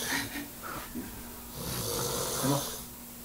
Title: winner of snoring competition